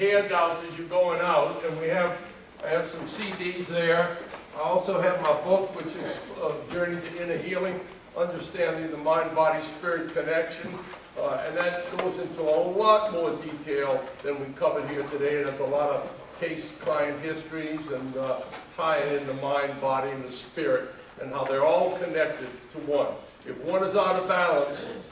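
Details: Adult man speaking; typical adult speech.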